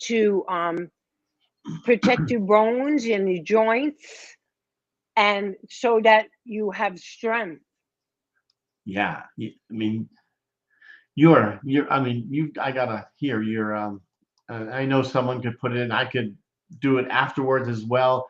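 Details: Post-stroke aphasia in a 57-year-old woman after a major ischemic stroke in 2011 at age 45 affecting her right side and speech; initially unable to talk, now improving but worse with emotion.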